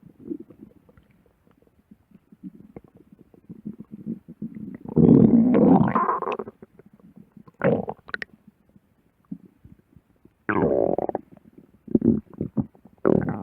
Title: Stomach growling ( vore audio) for @Brushathepaint #vore #audio #love #stomach